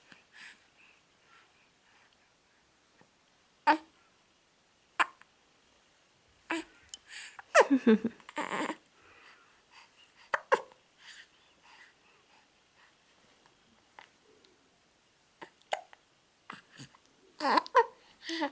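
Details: Infant hiccuping with the whole body: brief, sharp, irregular catches with small vocal sounds and quiet room noise between; infant hiccups.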